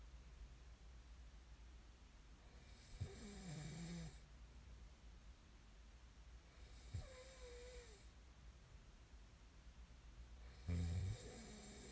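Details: Snoring recording made as sleep ASMR: two soft, quiet snoring breaths, then a louder snort at the end, over steady room hum.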